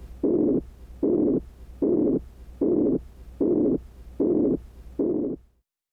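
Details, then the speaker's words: Abdominal auscultation with firm stethoscope pressure over the aorta, renal, iliac and femoral arteries: regular whooshing swishes at about 76 per minute, each timed with the pulse, an abdominal vascular bruit. "you should hear no vascular sounds if present a bruit sounds like this"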